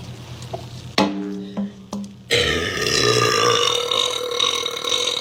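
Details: Two girls burping: a few short voiced belches followed by loud background noise and music.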